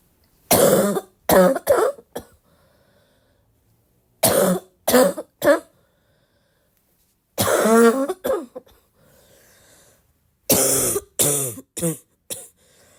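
About fourteen harsh coughs in four separate bouts of three to four, with quiet pauses between them. Repeated coughing fits.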